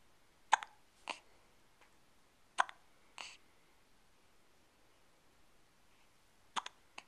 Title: Hiccups 2